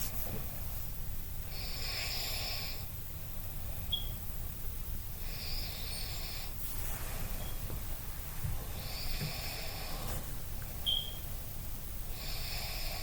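Quiet, rhythmic rough breathing noises in sleep, about four in 13 seconds, over low rumbling room noise: snoring.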